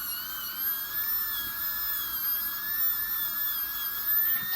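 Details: Steady high-pitched whine of a dental drill adjusting a high spot on a composite filling, found after the patient bites down and grinds side to side, then rounding it off.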